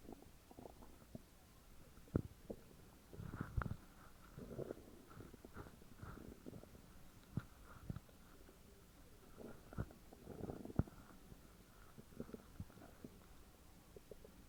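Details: Very loud stomach growls recorded from a woman's belly: continuous low gurgling and rumbling with scattered clicks and bubbling pops; borborygmi, normal gut movement.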